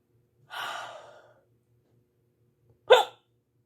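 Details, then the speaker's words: Adult woman during an annoying bout of hiccups: a soft breathy exhale, a pause, then one sudden, sharp, loud voiced hiccup that interrupts her speech. "what is the point of hiccups do I have any scientists who are fans medical experts you're a medical expert and you can tell me why we have hiccups"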